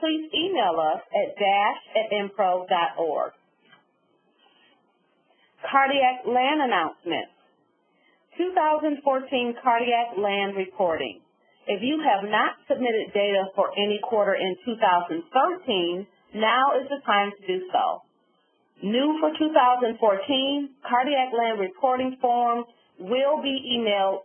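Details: Adult woman; typical speech.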